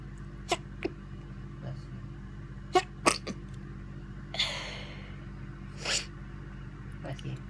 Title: Sneezes throughout the day!